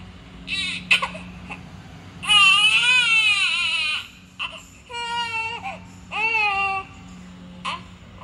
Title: baby ki cute cry 🥰💜💜@aradhnavermanursingwork9453